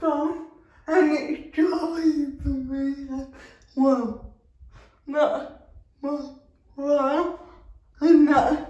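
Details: Dysarthric speech in a female speaker with cerebral palsy, real everyday vlog speech.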